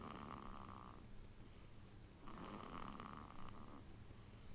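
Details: Sleeping baby snoring heavily: soft, low rattling breaths with a faint buzzing tone on each cycle, in two stretches against steady room hum; infant snoring.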